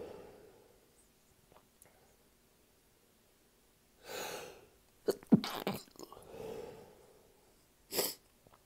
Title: Small Sneezing fit